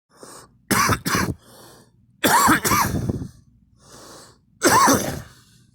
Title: me coughing